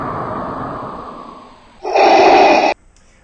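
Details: Adult man snoring while asleep at night: a long fading breathy exhale followed by a loud harsh rasping inhale, likened to Darth Vader.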